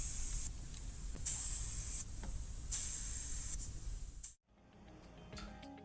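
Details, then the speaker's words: Intubated infant on a ventilator, heard through a tri-headed digital stethoscope used to confirm endotracheal tube position: regular hissing breath sounds with each ventilator breath and equal bilateral air entry, alongside chest rise and tube misting. "let's listen in i see chest rise i see misting in the tube i see untitled i hear equal and bilateral air entry"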